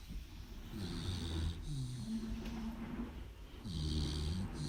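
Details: American Pit Bull Terrier snoring loudly in sleep: low, rattling snores on each in-breath and softer sounds on the out-breath, in a steady rhythm.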